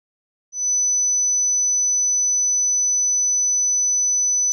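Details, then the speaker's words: A steady, pure, high-pitched 6,000 Hz hearing test tone, starting abruptly and held about four seconds, played over headphones to the left ear to test high-frequency hearing. "okay guys so first tone 6,000 Hertz"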